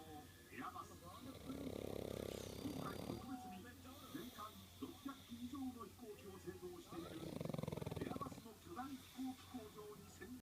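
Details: Six-year-old male pug snoring while asleep, two loud, rattling snore breaths over about ten seconds with quieter snuffling breathing between; he has always snored and sometimes seems to laugh in his sleep; snoring.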